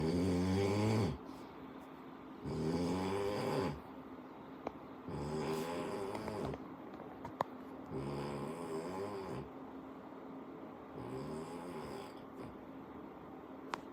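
Five rattling snores, about one every three seconds, over a steady low hum in the room.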